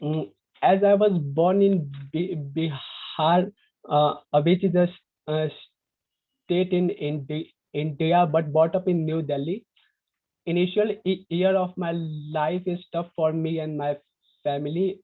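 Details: Young man from India who stutters, describing his own stammering on a live panel of young people who stutter; stuttering.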